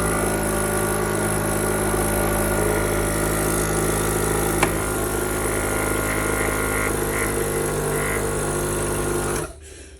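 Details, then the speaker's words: Loud, steady motor drone with a rapid pulsing rattle from a running suction machine, stopping abruptly at the end; these machines are very noisy but suction well. "These machines are very noisy, but they suction pretty well."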